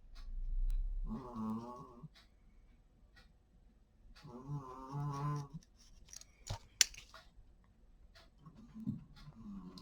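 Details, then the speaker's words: A sleeping pet dog snoring, with droning, slightly whiny breaths about every three to four seconds. "Oh, j'ai mon chien qui ronfle. Mais alors, on entend que lui."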